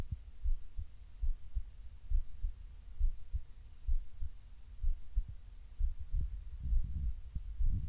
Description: Heartbeat laying on left side breathing softly